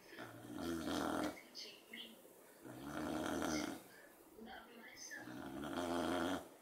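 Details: Beagle napping in the afternoon: loud, buzzing, droning snores repeat about every two to three seconds over a quiet room; snoring in a sleeping dog.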